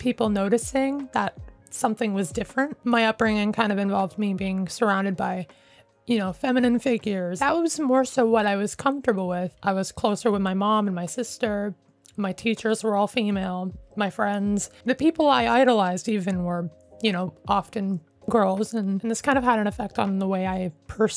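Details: Adult male with self-identified, not professionally diagnosed functional voice disorder: higher-pitched voice kept after puberty, forced to stay the same about 9 years ago, ongoing; mutational falsetto (puberphonia).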